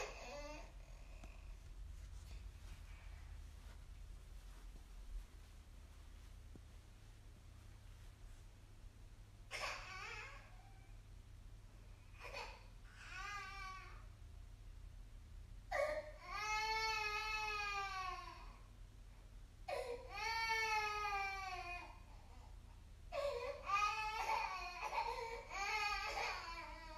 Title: Baby Crying Sound Effect HD | Free download